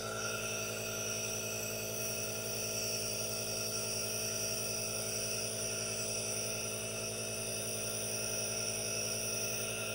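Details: Aerosol nebulizer running during relaxation with hand movements and no talking: steady mechanical hum with a continuous hiss, unchanged throughout.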